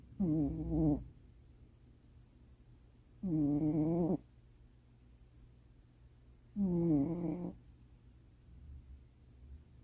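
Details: Male cat asleep in owner's lap at night, snoring: three rough, buzzing sleep sounds about three seconds apart, near 19 a minute.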